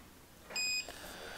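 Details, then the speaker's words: A single short high electronic beep against quiet room noise as the one top button of a Clyn CPAP disinfector is pressed to start its 30-minute cleaning cycle, with a CPAP machine connected through a standard 15 mm tube. "all you have to do it's very easy um is just press the button on top it's only got one button"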